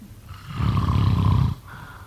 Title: #snoring #sleepnoises #snoringasmr #snoringsleepingsoundeffect #sleepsounds